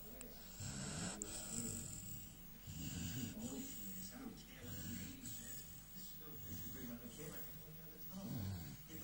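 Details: Sleeping American Staffordshire Terrier snoring: rough, rattling snores repeating about five breath cycles in nine seconds; ordinary dog snoring.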